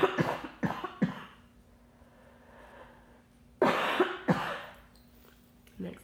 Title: Tiny Grocery Haul at the commisary Osan South Korea, LOTS of coughing (Sorry) -